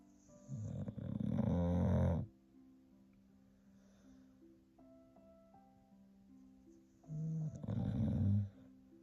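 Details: Two loud, rumbling snores several seconds apart during sleep, over soft background music.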